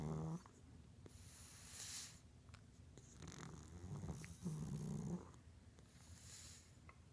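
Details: A sleeping pug snoring: low rumbling snores on the in-breath with soft hissing out-breaths, about two cycles heard.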